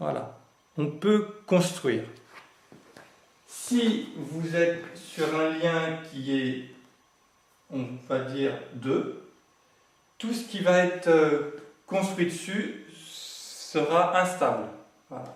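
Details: Adult male who has lived with stuttering for 20 to 40 years and says he is now managing to speak through it; stuttering.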